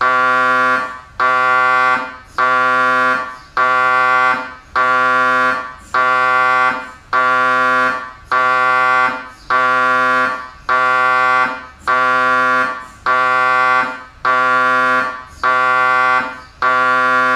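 Loud, buzzing tonal blasts about one second long, repeating regularly about 50 times a minute: the normal sound of an MRI scanner running a sequence.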